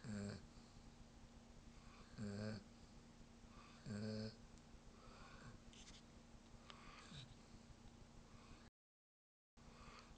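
Three loud, low, rattling snores about two seconds apart, then quieter breathing; a dog snoring in sleep.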